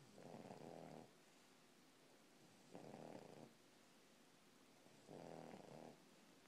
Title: The snoring English Bulldog